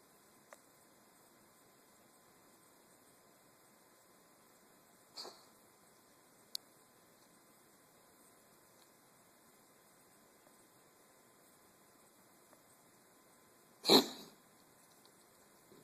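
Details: Cough from a dog: two short, explosive coughs, one soft and one louder, in a quiet room.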